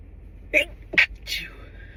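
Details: Three quick, muffled, hissing bursts with little voice over low hum; sneezes stifled without using hands.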